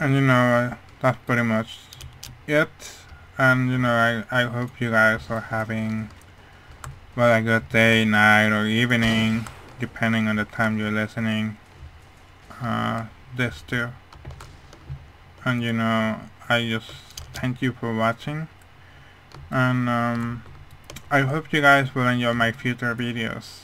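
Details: Speech of a man with hearing loss, which he says mainly causes how his voice sounds, rather than his accent.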